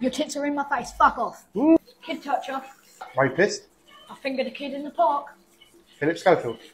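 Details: Vocal tics with coprolalia in a child with Tourette syndrome, producing involuntary obscene vocal tics during a haircut.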